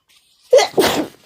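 A single forceful sneeze: a short in-breath followed by an explosive burst of air.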